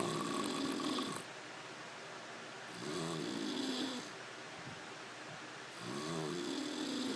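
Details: Sleeper snoring: loud rattling snores on each in-breath, about 20 breaths a minute, with quieter out-breaths between; ordinary snoring.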